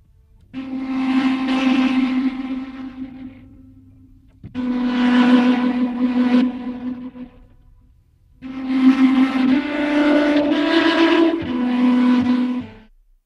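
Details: Simulation of violins as heard through a cochlear implant two years after activation, by a user with one functional ear: three sustained, slightly buzzy phrases with steady pitch and faint reverberation.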